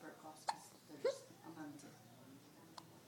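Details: Baby girl, held by her grandfather, with persistent hiccups: a few short, abrupt hiccups against soft room noise.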